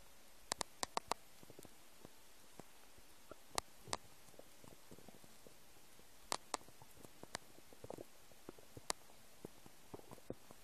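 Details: Empty stomach: scattered faint clicks, pops and soft gurgles in a quiet room; ordinary stomach rumbling (borborygmi).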